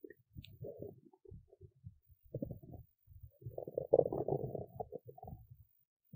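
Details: Hunger-related stomach rumbling after a skipped lunch: irregular gurgling, bubbling rumbles in bursts from the belly; normal borborygmi.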